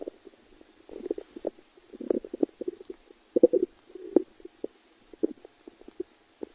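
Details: Stomach growling (borborygmi): irregular gurgling and bubbling bursts of low rumbling, with brief pops and longer gurgles, against a quiet background.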